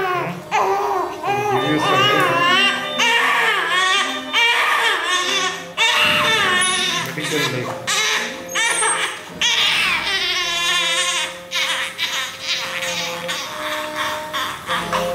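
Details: A baby with a cleft lip in hospital, waking before going into deep sleep: loud, sustained infant crying in repeated wailing bursts, with background voices and room noise; ordinary distressed crying.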